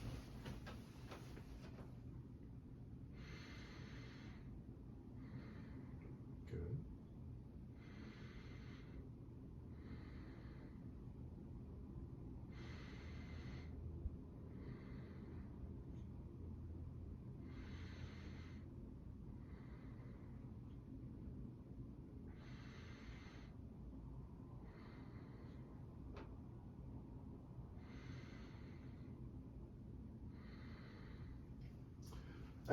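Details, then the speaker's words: Simulated post-operative exercise demonstration, stethoscope placed over scrubs while the seated volunteer takes slow, regular deep breaths; lungs clear to auscultation bilaterally: normal breath sounds. "long sounds clear to auscultation bilaterally"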